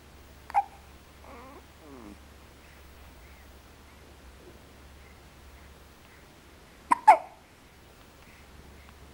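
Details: Two sharp, brief hiccup clicks several seconds apart from a baby girl, with soft babbling between them in a quiet room; infant hiccups.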